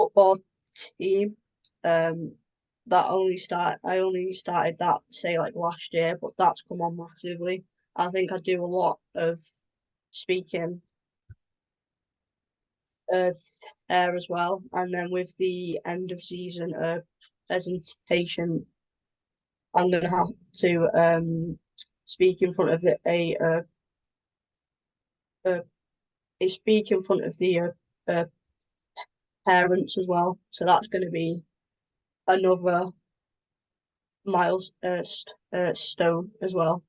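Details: Adult woman with a stammer since early childhood that began affecting her around age 13–14, at the move to high school; she has blocks and anticipation before speaking: stammering (stuttering).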